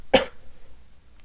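A single sharp, forceful cough burst, then quiet room noise. An ordinary cough.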